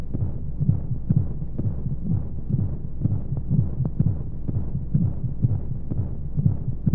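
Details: Womb-sound sleep aid for babies with white noise: muffled rhythmic low heartbeat thumps, roughly 125 a minute, under steady whooshing flow noise, as heard from inside the womb.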